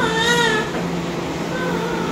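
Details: Brief, high-pitched, wavering cry of a newborn just after a normal vaginal delivery, with background noise.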